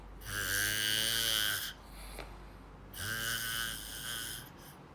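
Two loud, rattling snores on the in-breath, each about one and a half seconds, with a quieter out-breath between: ordinary snoring.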